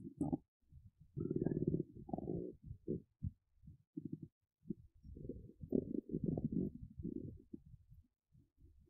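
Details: Woman's big belly, hungry, empty and hollow: irregular low gurgles and rumbles, ordinary hunger stomach rumbling (borborygmi).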